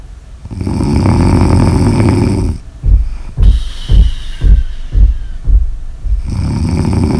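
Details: Snoring ASMR audio recording: long, loud rattling snore on inhalation, then a run of short snorting breaths and another sustained snore; heavy snoring.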